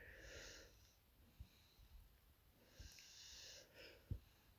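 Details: Sleeping baby girl with a cold, stuffed up: two soft, hissing, snuffly breaths about three seconds apart, congested infant snoring.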